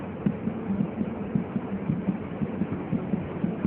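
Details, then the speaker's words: Fetal heart sounds heard during a Leopold pregnancy exam demonstration, the fetus head-down with its back on the right, counted in 5-second blocks (11–12 beats): fast, regular soft thumps, about 140/min, faster than the mother's. "nyut jantung janin di mana denyut jantung janinan akan lebih cepat dari denyut Nji ibunya"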